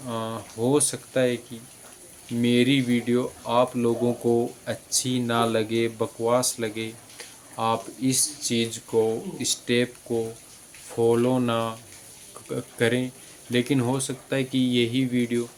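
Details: Adult man who has stammered and is working to control it, having consulted specialists at AIIMS Jodhpur; stuttering.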